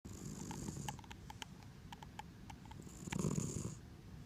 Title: Snoring Cat